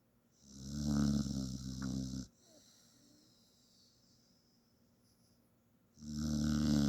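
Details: Misty, a 45-pound black-and-white female shelter dog, snoring while dreaming: two loud, rumbling, buzzy breaths separated by a quiet pause.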